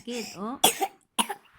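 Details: Infant with a lingering cough, in the morning: two short, sharp cough bursts after a brief vocal sound.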